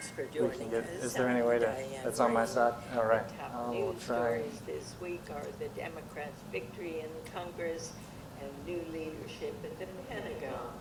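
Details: Adult female speaker, recorded broadcast played in a lecture hall; spasmodic dysphonia.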